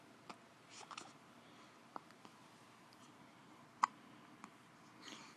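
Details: Soft, brief clicking catches about four times over five seconds in a quiet room; a bout of hiccups.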